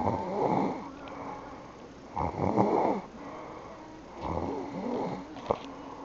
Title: Sister snoring